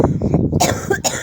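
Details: A short, harsh cough of two or three quick bursts from an adult recovering from a cough that is now loosening, drinking milk tea.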